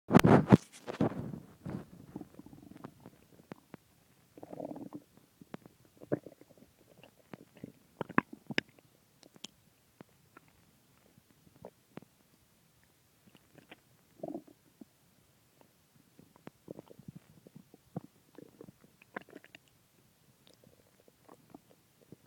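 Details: Stomach growling after eating a large pizza and two ice creams: gurgling, bubbling abdominal rumbles with squeaks and pops.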